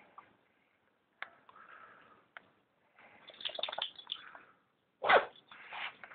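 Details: Boston Terrier named Sparky with hayfever after running through weeds and brush: short wet nasal snorts and one loud sneeze-like burst as he clears irritation from his nose.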